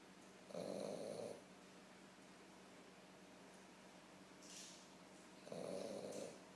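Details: Female dog snoring: two slow, rumbling snores about five seconds apart, each under a second, with quiet room noise between.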